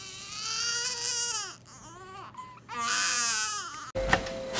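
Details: Baby girl: loud, strong rising and falling wails with short breaths between cries; vigorous newborn cry.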